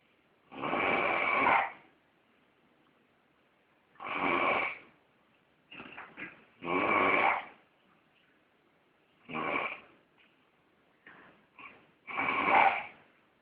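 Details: Loud rattling snores, about five over thirteen seconds, with softer snorts between breaths in a quiet room; snoring during sex.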